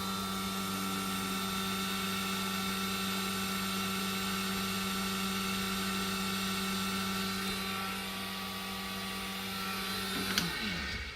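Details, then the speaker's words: Ear wax microsuction pump switched on, recorded at roughly the patient's distance and estimated at 70–80 dB: a loud, steady mechanical drone with a whining tone that winds down at the end. "what's that noise well that's the suction machine so he wasn't making reference to the suction noise inside the ear this is when i had the sucker out of the air it was actually the suction pump itself i'm just going to switch it on"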